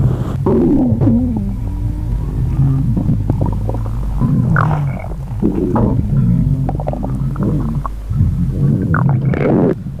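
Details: Empty stomach growling: continuous low gurgling and rumbling with bubbly, squeaky rises, ordinary harmless bowel sounds.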